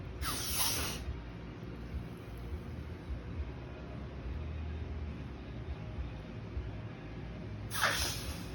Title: Coughing retic